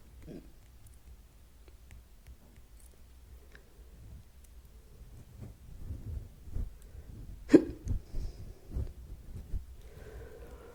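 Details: ASMR hiccup recording: a few short, abrupt catches in quiet breathing, one sharp and clear, spaced about a second apart; hiccups.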